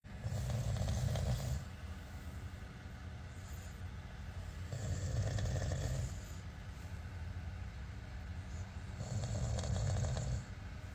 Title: Need Help with Snoring?